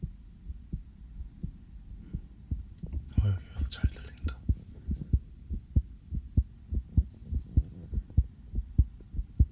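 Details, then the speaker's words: Person's own real heartbeat heard through a sensitive stethoscope, possibly slightly fast after just coming in from outside: steady lub-dub at about 100 beats a minute with brief soft rustling; normal heart sounds, mildly quick. "저도 제 심장 소리를 이렇게 크게 듣는 건 처음이네요. 왜 이렇게 빨리 뛰지?"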